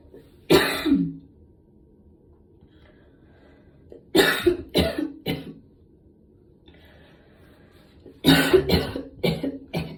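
Three bouts of coughing, one single cough and then two runs of three to four short coughs, with quiet between; a plain cough.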